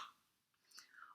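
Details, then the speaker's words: A physiotherapist demonstrating a huff (forced expiratory technique): a breath in followed by a long, open-mouthed forced exhalation, used to move phlegm without hard coughing. "there's one called the FE T the forced expiratory technique or a huff where you're having a really long open mouthed cough outlet so it's a breath in and then I open mouthed off afterwards it sounds a bit like this"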